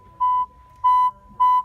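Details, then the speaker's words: Three steady pure-tone beeps near 1 kHz from an audiometer at maximum output, with 20 dB added to the worse ear after reaching the 100 limit, during a loudness balance (recruitment) test: audiometer pure-tone stimulus. "como llegamos al límite de 100 ahora vamos a usar la máxima salida del equipo vamos a sumar 20 al hoyo malo y vamos a seguir con la estimulación"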